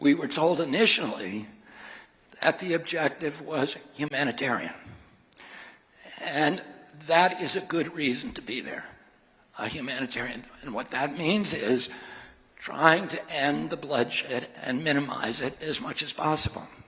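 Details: Adult man with spasmodic dysphonia (laryngeal dysphonia), involuntary contraction of the voice muscles causing a distorted voice.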